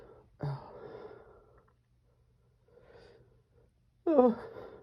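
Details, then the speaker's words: Adult's strong, desperate sneezes, some stifled: two sudden explosive bursts with voiced onset, separated by quiet breathing, in a small room, amid "achoo" and "jeez, these are strong"; sneezing. "Oh. Achoo. Oh. Jeez, these are strong. Achoo."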